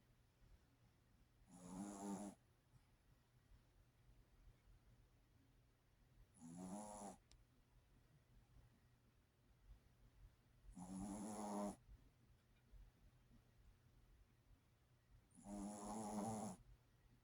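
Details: Snoring: four slow, regular snores over quiet room noise, about 13 a minute, each a brief rattling inward breath; snoring.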